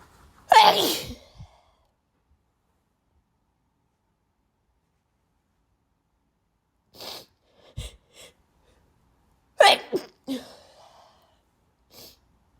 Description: My allergies are so badd 😭